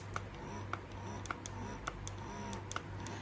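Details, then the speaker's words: Steady low motor hum with soft rhythmic clicks at about 105 a minute from a wearable breast pump in stimulation mode level 1 of 5, which switches automatically to pump mode after two minutes; breast pump running. "จากกระตุ้นให้สองนาทีนะคะเครื่องจะเปลี่ยนเป็นโหมดปั๊มให้อัตโนมัตินะคะโดยคุณลูกค้าไม่ต้องไปกดมันเลยนะคะ"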